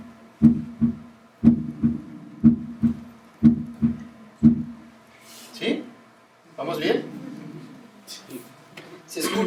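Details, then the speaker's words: Normal heart sounds S1 (atrioventricular valve closure) and S2 (aortic and pulmonary valve closure), auscultated on a Harvey cardiology simulator. "al cierre de las válvulas auriculoventricular es se le conoce como ese 1 y al cierre de las válvulas aórticas pulmonar se desconoce como así"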